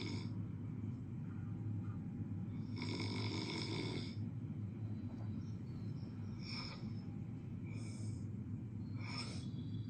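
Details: Four rasping snores in about ten seconds, roughly one every two to three seconds, over a steady low hum; ordinary snoring.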